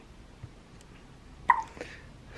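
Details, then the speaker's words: Newborn in his first weeks of life, awake early in the morning with grunting: one sharp, brief hiccup followed by a softer catch of breath in a quiet room. "listen to this pickups and the grunting and the hiccups which is so cute"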